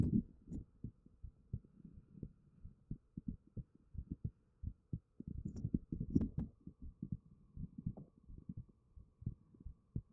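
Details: Own heartbeat recorded with a 3Dio binaural microphone in a noisy house: steady, soft low thumps in pairs at about 70 beats a minute with a faint hum behind; calm normal resting heartbeat.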